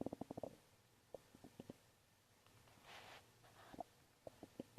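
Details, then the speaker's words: Woman's stomach growling from hunger, caught accidentally while filming: quiet gurgling clicks and bubbly pops in short runs. "Did you? No, tell me, please tell me you heard my stomach, please."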